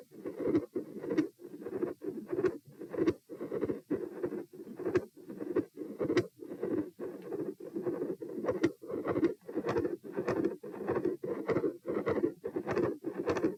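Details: Heart auscultation stress test at position P, heart rate 90, 126 and 72 bpm while sitting, standing and lying: rapid beats with an intermittent continuous rumbling machinery-like murmur and sharp loud S2.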